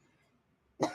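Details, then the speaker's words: A single abrupt cough from an adult woman after near silence; she reports a sore throat and worse coughing for two days and is going to the doctor for medicine. "अब मैं जा रही हूँ दवाई लेने के लिए, क्योंकि गला ख़राब है, तो इस वजह से खांसी भी हो रही है।"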